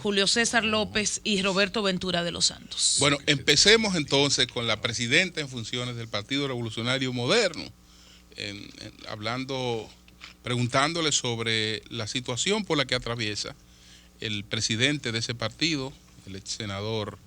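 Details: Adult male radio host; normal voice.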